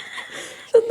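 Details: Laugh-cough of a woman sick with bronchitis, with phlegm clogging her throat and lungs: a faint, airy breath sound ending in a brief, high, squeaky tonal wheeze when she laughs.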